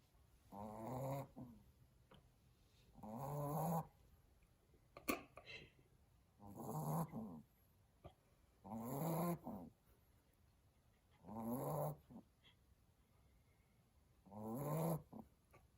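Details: Snoring from a sleeping Cockapoo puppy napping in a quiet room: regular rumbling bursts at about 22 breaths a minute.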